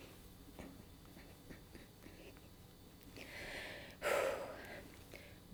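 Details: Adult woman with Tourette syndrome; she interrupts herself and apologises before continuing, suggesting a tic episode. Finding: vocal tic.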